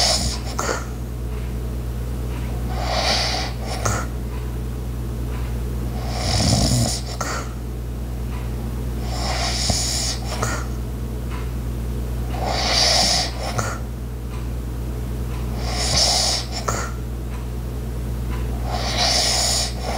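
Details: Light snoring during sleep: soft, breathy snores every three to four seconds over a steady household hum, with occasional knocks.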